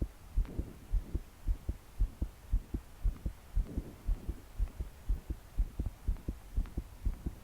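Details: 22-year-old woman's fast, forceful heartbeat, about 110 per minute, with breathing while trying to calm down to sleep; deep breaths didn't help; body shaking with each beat; heavy rain behind; pounding, racing heart, palpitations.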